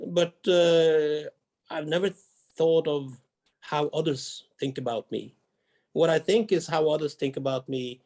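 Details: Adult Norwegian male diplomat who grew up with a severe stutter and has overcome most of it; he describes a small blockage occurring during this answer; stuttering.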